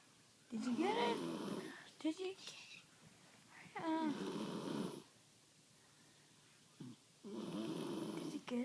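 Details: She snores loudly while asleep at night ("sweet princess"), said to snore like her father; snoring.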